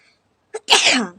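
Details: Sneezing challenge, sneeze provoked by tickling the nose with a stick: short in-breath, then one sharp explosive sneeze, one of a counted series toward 30.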